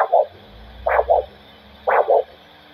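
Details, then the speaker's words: Handheld Doppler at the foot, light pressure on skin, during foot vascular assessment: regular pulse with three sounds per beat, about 60-70 a minute; normal healthy triphasic arterial signal. "it's one two three one two three this is tri-physic sound which is a healthy sound"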